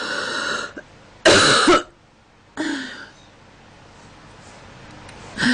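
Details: Girl coughing in cold weather, with a stuffy, itchy nose: two or three short, harsh cough bursts separated by quiet pauses, some like throat clearing; a plain cough.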